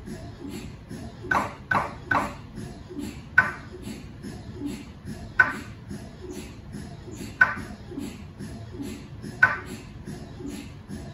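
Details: MRI scanner noise recorded inside the scan room of a GE 1.5T or 3T MRI system running a sequence: repetitive knocking and pinging pulses over a low hum.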